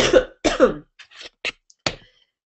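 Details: Adult woman coughing during a live broadcast, reported as being sick.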